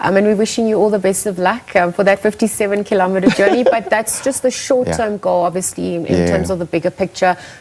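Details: Adult woman speaking; normal fluent speech.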